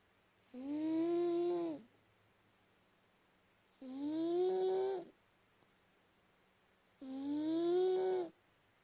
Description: My cat Travis Bickle, snoring up a storm 😆😆